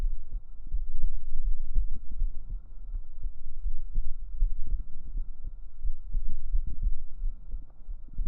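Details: Real heartbeat recorded close against the chest with binaural microphones for ASMR: deep, soft, regular low thumps with a steady low hum underneath.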